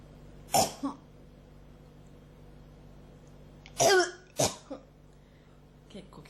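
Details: Three short, harsh coughs, two single and one double, with quiet between; a persistent, tickly cough catching in the throat that feels close to bringing something up but brings nothing.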